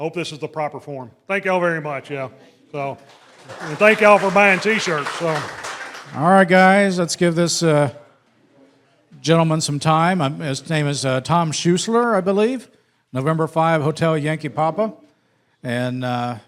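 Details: Adult man speaking; normal voice.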